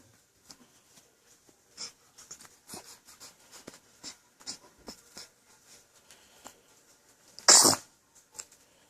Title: Little sneeze